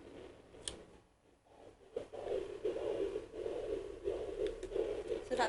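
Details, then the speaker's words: Home fetal Doppler at about 9 weeks of pregnancy: rapid whooshing pulses about 175 a minute, a galloping-horse fetal heartbeat. "right now can you kind of hear that sounds like a galloping horse so that's the baby's heart be there"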